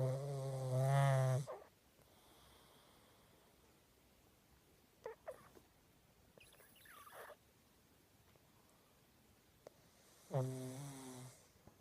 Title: Snoring pug lol